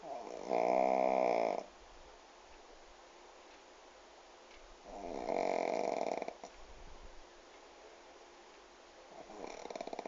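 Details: Pug asleep sitting upright in owner's lap with head on the table, snoring: loud rattling snores on two breaths about four seconds apart, with quiet stretches between.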